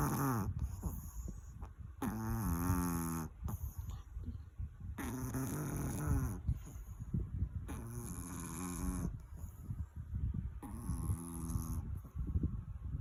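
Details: A sleeping Chihuahua snoring loudly: rhythmic, buzzy snores on each breath in, about five breaths a minute, with quieter breaths out between.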